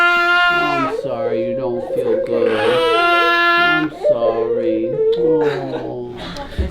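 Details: Loud, sustained infant crying in repeated wails from a baby with a respiratory illness that tested positive for RSV, seen in the office for the third day in a row.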